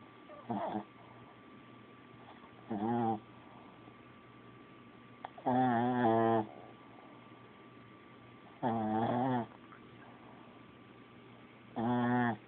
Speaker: Buddha, you done snoring? Are you done snoring? You done?